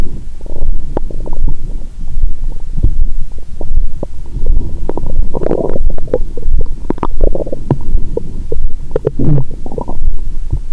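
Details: Woman after a meal with wine following 22-hour fast, stethoscope on abdomen: continuous low gurgling and rumbling with frequent bubbling pops; active bowel sounds.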